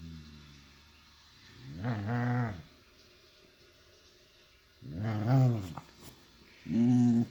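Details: Sleeping dog snoring with a growl-like sound: three slow, low, rumbling snores about one every two to three seconds, over quiet room noise.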